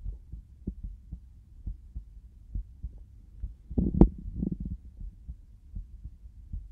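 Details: Soft, steady low thumps of a heartbeat through a stethoscope, recorded binaurally for ASMR, with a brief rubbing noise midway. Heartbeat.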